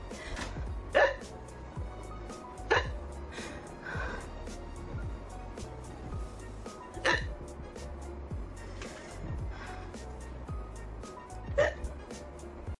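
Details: Woman with sudden, very strong hiccups, recorded quickly before they stopped: sharp, brief catches of breath every one to two seconds over steady background noise and music.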